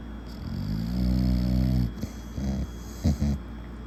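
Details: A 2-year-old American Bully dog snoring: a long, loud, buzzing rattle on one breath, then shorter snorting grunts; heavy snoring.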